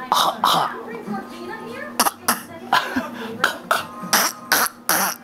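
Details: Child repeatedly clearing his throat and giving short coughs, mimicking his grandmother's throat clearing; he later says it hurts his throat.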